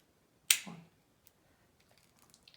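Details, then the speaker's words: Spring-loaded inserter of an AutoSoft 30 infusion set for a Tandem t:slim X2 insulin pump fires during a site change on a 10-year-old boy with type 1 diabetes: a single sharp click in a quiet room as the cannula is placed under the skin. "i'm gonna push down on this and it's gonna inject him placing the feet directly against the skin"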